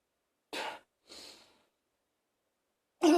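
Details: A person in an echoing bathroom coughing harshly while feeling close to vomiting: two harsh, breathy cough bursts followed by a short retching sound.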